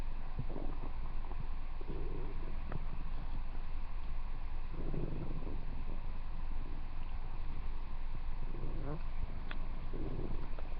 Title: Airachnid's stomach growling (Request for @Amandaforbuddies2 )